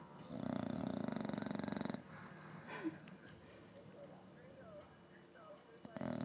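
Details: Bulldog sleeping in a clothes basket, snoring really loud: a loud buzzing, fluttering snore on the in-breath, then quieter breathing with small squeaks.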